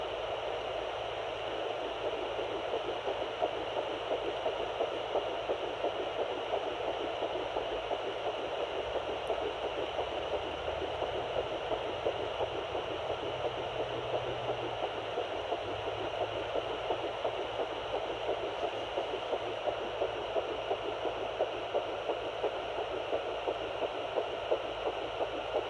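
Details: Fetal heartbeat at 8 weeks 2 days of pregnancy on a Sonoline B home fetal Doppler: fast, regular whooshing pulses through steady static, roughly 170 beats a minute.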